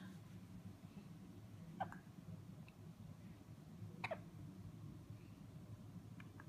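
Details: Hiccups: two abrupt, brief catching sounds a couple of seconds apart over quiet room noise.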